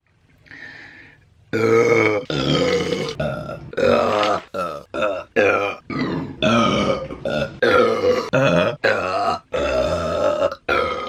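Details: A woman burping while eating during a mukbang: a run of loud, long, voiced burps one after another with short gaps; repeated belching.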